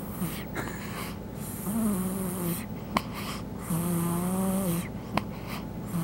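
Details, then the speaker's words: Sleeping baby: soft, high, whistling snoring noises on the breaths, with steady room noise behind; snoring. "Let's see if we can hear the snoring better."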